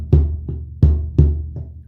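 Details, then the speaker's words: Simulated third heart sound (S3) played on a snare drum: three beats per cycle, with an extra diastolic sound after S2, added to S1 and S2 before S4 is demonstrated. "Vamos a mostrar primer y segundo ruido, después le agregamos el tercero y finalmente le vamos a agregar el cuarto."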